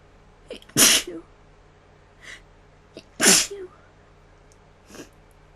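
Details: Self-induced sneezing: two loud, sharp sneezes about two and a half seconds apart, each with a quick intake before it, softer breaths and small sounds between.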